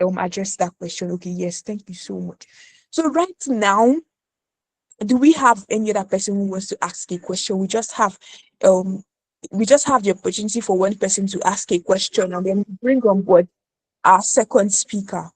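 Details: Adult woman speaking; normal speech.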